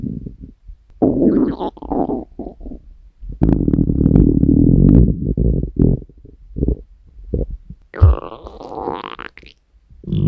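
Loud gurgling and rumbling bursts from the abdomen, typical hunger stomach growling, a normal bowel sound.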